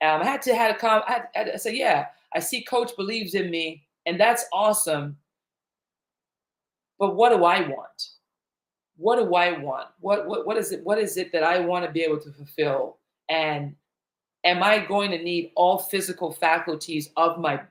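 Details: Stuttering in a man whose stutter began in childhood, around age eight, during a time of intense fear.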